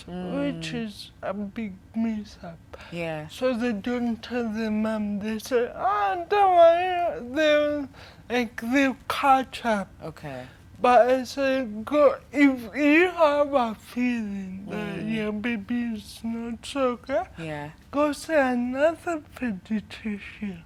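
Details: 25-year-old woman with cerebral palsy from birth brain damage due to lack of oxygen during her mother's prolonged labor, affecting leg and hand movement, coordination and speech; dysarthria.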